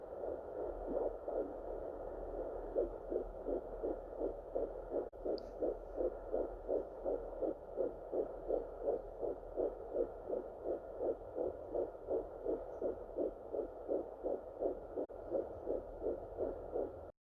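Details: Fetal heartbeat on a home fetal Doppler, found after about 8 minutes of searching on first use: rapid, regular whooshing pulses at about 165 beats per minute.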